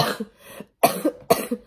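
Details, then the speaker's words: Young woman sick with flu, coughing for about a week, with a mucus-blocked nose and missing school: three short, loose, wet-sounding coughs in quick succession. "Still coughing. My nose is still, like, not the best."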